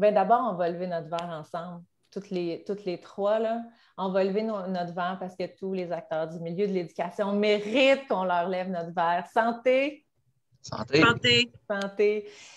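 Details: Adult woman speaking French, with other voices joining at the end; Normal speech.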